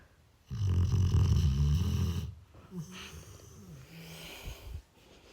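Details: Dog sleeping under her quilt at 2:30 am: a loud, deep, rattling snore lasting about two seconds, then softer snuffling breaths; snoring.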